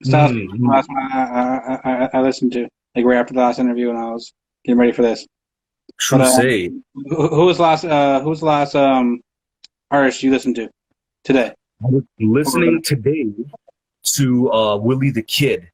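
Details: Adult man, interview host, self-reported stutter, real; stuttering.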